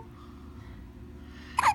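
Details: Hiccups in a 12-day-old baby girl: quiet room, then a single sharp, abrupt hiccup sound, a common harmless newborn event.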